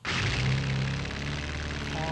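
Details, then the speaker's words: Simulated tinnitus demonstrated by an otolaryngologist: steady low electrical hum with faint buzz, like a humming electrical appliance heard inside the ear. "É um som que está lá dentro do ouvido da pessoa. Pode ter um zumbido de aparelho elétrico."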